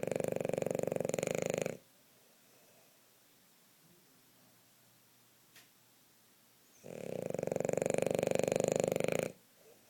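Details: Hazel napping and snoring: two long, loud rattling snores on the breath in, with quiet pauses between them.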